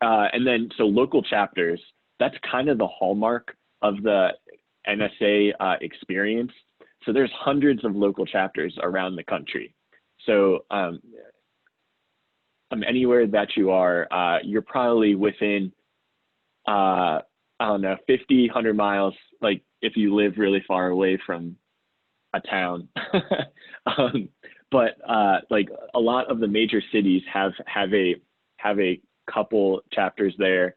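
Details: Adult female special educator with lifelong stuttering, worse when excited, anxious or short of sleep, with vowel sounds a trigger; she manages it with facial glances and word choice; real stuttering.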